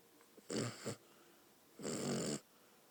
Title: snoring dog